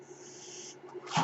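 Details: Steady airy hiss of delivered air, then a short louder puff and thump, from the speaker's own ventilator running in the background during podcast speech: mechanical ventilator.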